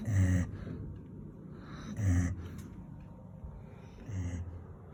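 Three low, rumbling snorts about two seconds apart, each followed by quieter breath noise; a dog snoring in a small room.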